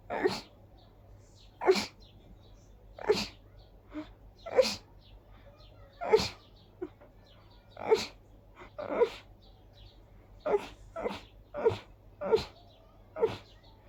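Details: Sneezing attack from high pollen count combined with dust allergy: around a dozen short, explosive sneezes at steady intervals over fourteen seconds, coming so frequently it was tiring.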